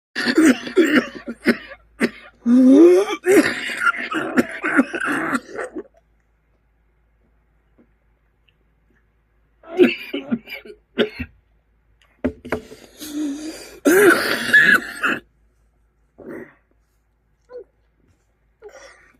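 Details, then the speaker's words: Whooping cough (pertussis) paroxysm: repeated rapid cough bursts in fits with strained, noisy in-breaths between. "Примерно так выглядит кашель при коклюше надо было заснять это приступы когда человек задыхается С громким вдохом такой кашель только бывает при коклюше"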